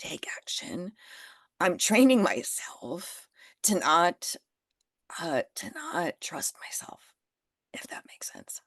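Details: Adult with spasmodic dysphonia that began after stress and illness while building a business. It is still audible and being managed naturally; Botox declined: spasmodic dysphonia.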